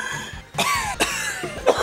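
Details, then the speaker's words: Three harsh, forceful cough bursts in quick succession from an adult during a gaming show recording, with background noise. "that's a long cough dude i do you should get that checked out let's see a doctor"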